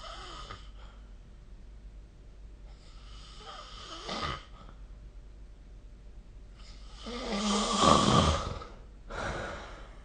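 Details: Rough, fluttering snores alternating with airy breaths out, building to a loud snore near the end; snoring recorded with the SnoreLab phone app.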